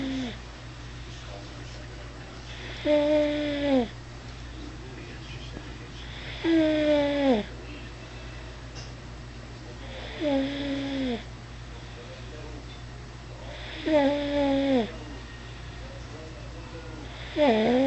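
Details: Regular short, nasal, falling snores about every 3.7 seconds (~16 per minute), almost like a kitten purring, over steady room hum; recorded 03/02/09.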